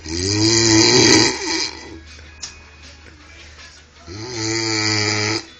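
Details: Heavy snoring from a sleeper after a drinking binge: loud, drawn-out, buzzing snores on the in-breath with quieter breaths between them.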